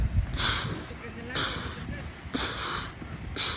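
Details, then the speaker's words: Imitated Korotkoff sounds: mouth-made spitting puffs about once a second, mimicking the pulse beating through as a blood pressure cuff is slowly deflated during a blood pressure measurement demonstration. "That's the sound of the pulse actually beating through the cuff and its pressure."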